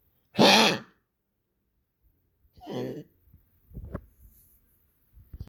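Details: Pet (Goliath) coughing, reported as much more frequent: a harsh, forceful cough burst, then a weaker one and short rough throat noises; repeated coughing.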